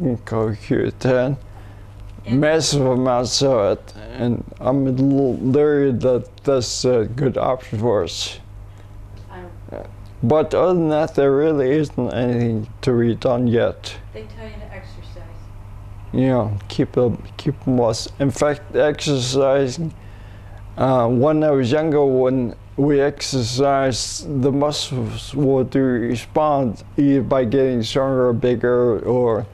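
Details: Ataxic dysarthria in a 67-year-old man first diagnosed with cerebellar ataxia, later rediagnosed with multiple system atrophy. His speech is progressively worsening and harder to understand when fatigued. No speech gain yet after umbilical cord blood stem cell treatments in China.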